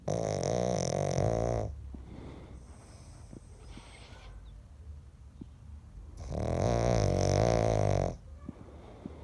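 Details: Sleeping pug dog: two long, loud rattling snores with quiet breathing between them; snoring.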